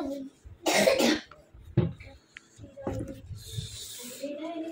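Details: A single harsh cough with a short throat-clearing sound amid household talk in a small room, in a home where a nebulizer is kept.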